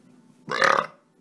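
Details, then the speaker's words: Male YouTuber in a burping compilation: a single loud, short voiced burp under half a second against a quiet background; normal burp (eructation). "hi guys welcome to another Thursday everyone that was a burp"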